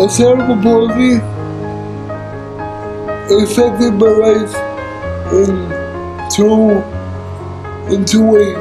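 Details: Dysarthric speech in an adult man living with cerebral palsy.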